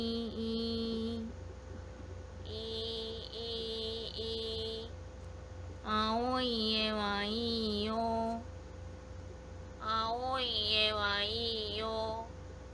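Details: Demonstrated hypernasal speech on vowels ('e') in a nose-holding test, with resonance changing when the nose is occluded, indicating hypernasality.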